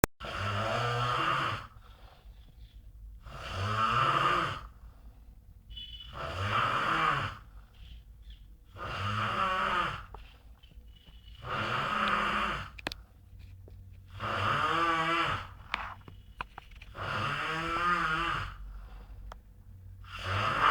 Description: a giant man snoring during winter